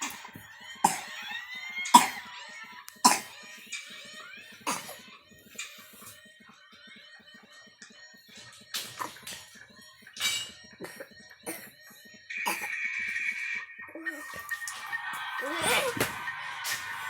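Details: Young child with flu whose cough is blamed on playing in dust; several short, sharp cough bursts with quiet gaps and some room noise between them.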